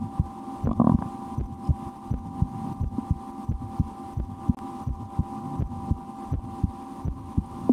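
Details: Own heartbeat recorded through a stethoscope for relaxation, at times holding breath or playing a game to raise the rate, after a restaurant lunch; regular lub-dub about 70 a minute over a faint steady hum; normal heart sounds.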